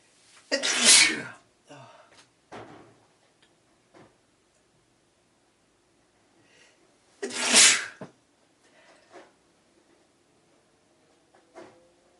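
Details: A person sneezing twice: two loud, explosive sneezes several seconds apart, each with a sharp intake and hissing burst, then sniffs in a quiet room.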